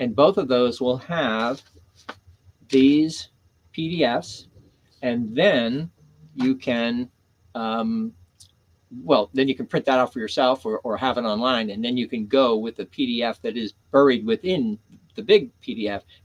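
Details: Adult man with aphasia after a stroke on September 26, 2011 (three strokes in all), about ten years post-onset; he initially could not read, write or speak well, had seven months of speech therapy and an aphasia group, and his speech has since greatly improved; aphasia.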